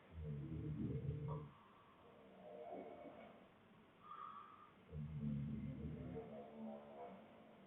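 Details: Low, rumbling snores that come and go from the boyfriend and two other sleepers snoring too, over faint room noise; snoring.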